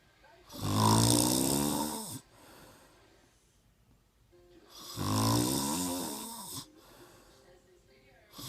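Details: Loud, harsh, rattling snores on each in-breath, about one every four seconds, with quiet out-breaths between; heavy snoring.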